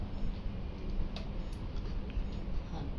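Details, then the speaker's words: Fetal heartbeat on Doppler at 13 weeks of pregnancy: rapid, muffled whooshing pulse at about 162 beats per minute, judged normal and doing well. "Heartbeat চলে আসছে। এটা heartbeat. হ্যাঁ। শব্দ শুনতে পাচ্ছেন।"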